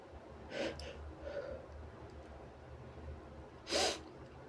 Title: Sneezes & Noseblows